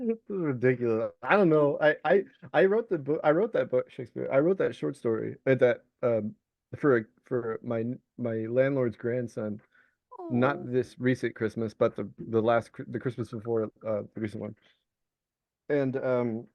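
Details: Vocal tics (Tourette syndrome) in an adult male Navy veteran diagnosed with Tourette's, with a repeated involuntary tic word ("Shakespeare") during speech.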